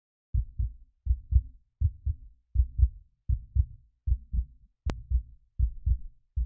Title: Sound - Effect Heart Beat (HD)